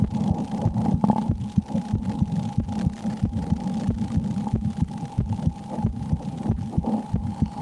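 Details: Regular heartbeat at about 90 beats per minute, mildly quick, heard through a stethoscope over a steady hum, recorded while the person plays the Slender horror game and reports extreme fear; normal heartbeat.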